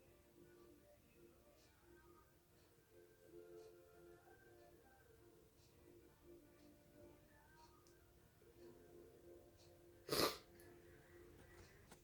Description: just a quick induced sneezing fit into a tissue